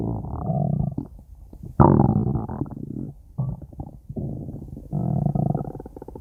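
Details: Nimu's stomach growls: loud, low, drawn-out gurgling rumbles in several bursts; stomach growling (borborygmi).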